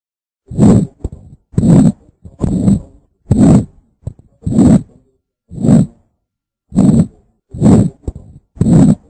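Steady, regular thumping beats at about 57 a minute, with brief faint clicks between them; heart sounds on auscultation.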